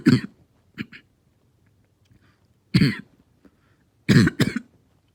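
Harsh, hoarse coughs, about eight, some in close pairs, with a barking, seal-like quality.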